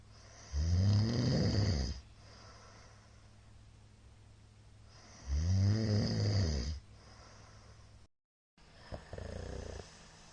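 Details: Middle-aged man's everyday snoring during sleep: loud rattling snores on each in-breath, about 13 a minute, separated by quieter breathing.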